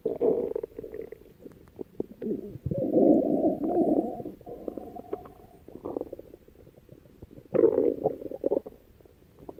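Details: Stomach growling: bowel sounds (borborygmi).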